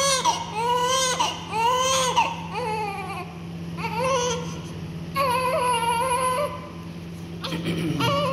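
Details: Repeated loud, high-pitched crying bouts with brief catches of breath from a newborn with inflamed diaper-area skin on buttocks, thighs and genitals, over steady room hum.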